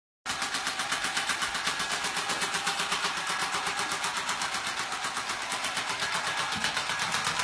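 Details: Loud, steady, rapid clacking pulses, about four a second, from a shockwave therapy device in operation during treatment of a horse.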